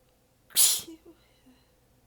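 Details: One sharp hissing sneeze, then soft breaths and small vocal sounds, from a prolonged sneezing fit; the sneezer was exhausted with sore abs and partly biting sneezes back.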